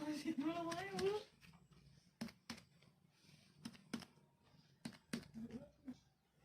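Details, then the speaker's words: Abdominal percussion during a nursing practical digestive-system physical exam of an adult male: paired finger taps on the abdomen giving a hollow, drum-like tympanic note, reported as normal. "normal suaranya itu timpani ya Pak"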